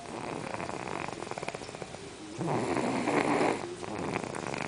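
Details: Snoring during sleep: low, rough breathing noise with a louder rattling snore on one breath.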